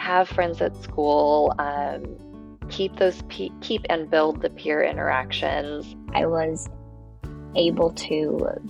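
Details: Adult speaker over background music; ordinary speech.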